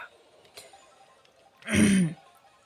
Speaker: [raclement de gorge]